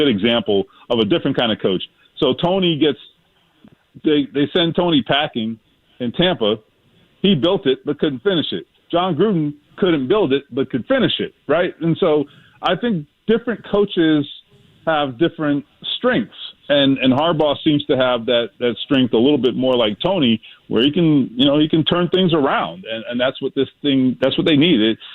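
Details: Adult man speaking over a phone or radio line; normal adult male speech.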